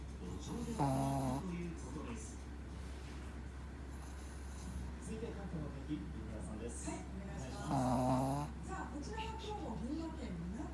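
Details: Dog giving two drawn-out, buzzing, voiced snores about seven seconds apart, with quieter breathing between, over a steady low hum; snoring.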